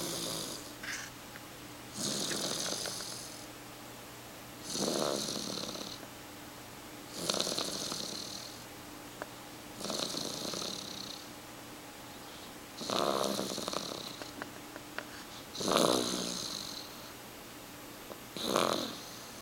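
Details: Rhythmic rasping snores, about seven in the clip, at roughly 22 breaths a minute, with quiet pauses between them; ordinary snoring.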